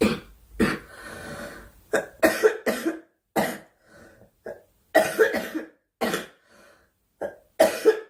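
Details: Repeated harsh coughs in close bursts with short pauses and a throat-clearing quality from a girl in a quiet room: coughing.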